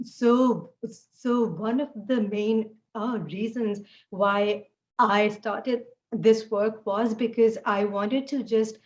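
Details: Adult woman who stutters, noting fasting and poor sleep take a toll on her speech; stuttering.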